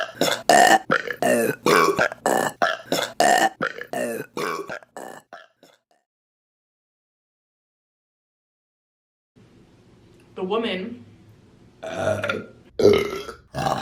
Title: Burping Compilation March 2025 #1 | RBC